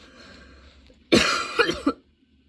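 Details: Sudden-onset, unexpectedly long nonstop coughing fit that kept worsening, bringing tears and constant position changes: a harsh cough burst, then several quick follow-on coughs in a short run; prolonged coughing fit.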